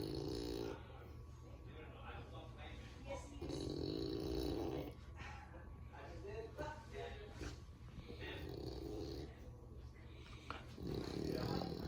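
Rough, rattling snores recur with each breath from a sleeping flat-faced dog, amid room noise.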